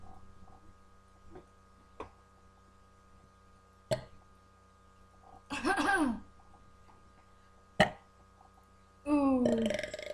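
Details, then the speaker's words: Burping contest between siblings: two long, loud, low-pitched burps with a few short clicks and breaths between them, in a quiet room with a faint hum. "Oh, that was beautiful. That's for me. That was even beautifuler. That was disgusting."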